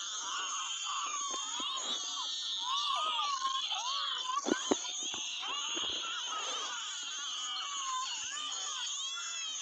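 Continuous high-pitched newborn crying with brief catches in the voice and faint room noise.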